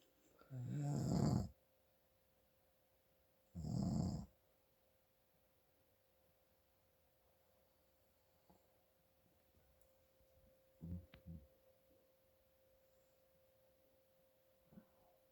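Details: Adult male (father) snoring from nasal congestion: two loud, rough, rattling snores on breathing in, then quieter snuffling breaths.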